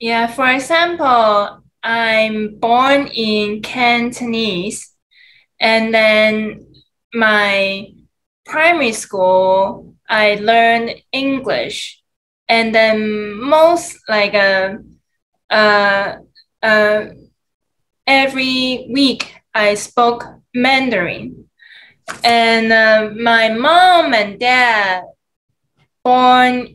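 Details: Aphasia in an adult man, multilingual (Cantonese, English, Mandarin, Shanghainese), who acquired aphasia in the USA.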